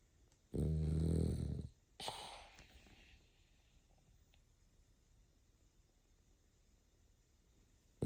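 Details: Sleeping dog passed out snoring: one long, low, rattling inhaled snore, then a softer airy exhale trailing into quiet breathing.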